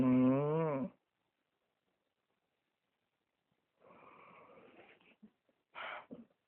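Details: A loud, buzzy, tonal snore, then a quiet pause and softer breathy snorting sounds, so loud it is likened to a bear: snoring.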